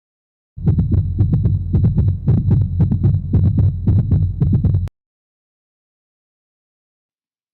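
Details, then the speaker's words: Gallop rhythm: rapid low heart sounds in repeating three-part groups with an added third tone, which may be protodiastolic (early diastole), presystolic (before systole), or mesodiastolic/summation (mid-diastole). "Где располагается дополнительный третий тон выделяют три разновидности ритма галопа протодиастолический при этом дополнительный тон располагается в начале пресистолический тон располагается перед систоло и мезодиастолический или суммация середину диастолы"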